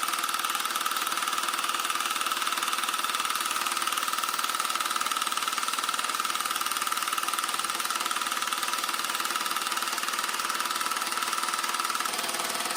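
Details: Steady, fast mechanical tapping with a buzzing whine from a handheld low-intensity shockwave therapy device for erectile dysfunction, running continuously as a user applies it section by section, reporting no pain.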